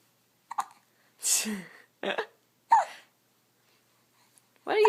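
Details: Female speaker recovering from shots she had on Thursday, chatting while brief, sudden voiced catches interrupt her speech at intervals; hiccups.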